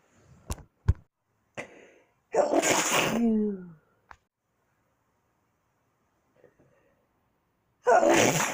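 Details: Two forceful sneezes with sharp indrawn breaths and small clicks before the first, separated by quiet: ordinary sneezing.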